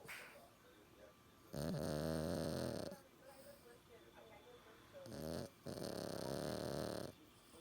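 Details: Sleeping dog snoring: two long, rough, rumbling breaths a few seconds apart against quiet room noise.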